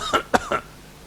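An adult imitates a cough: three short, sharp coughs in quick succession, then quiet. It shows a paroxysmal cough that comes in bouts of three.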